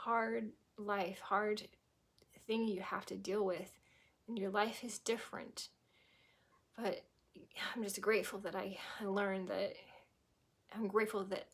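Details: Woman with chronic aphasia from a stroke at age 18, 25 years ago; she was unable to speak at first and sometimes still cannot speak; finding: aphasia.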